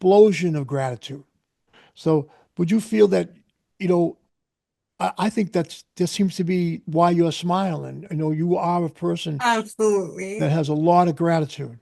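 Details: Adult male speaker; Typical speech.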